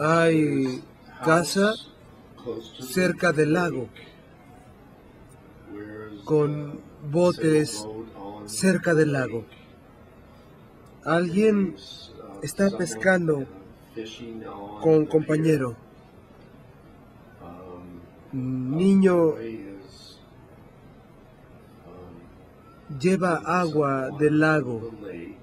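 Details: 57-year-old right-handed man, symptoms beginning about 2 years before recording, describing a picture, without obvious apraxia of speech; nonfluent/agrammatic primary progressive aphasia.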